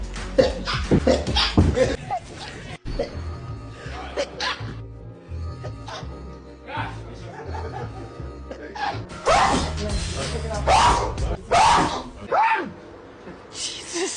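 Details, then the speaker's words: Several separate explosive sneezes from different people in a celebrity sneeze compilation, with music, talk and laughter between; one announces they're about to sneeze, and hay fever is mentioned. "Oh, I'm about to sneeze."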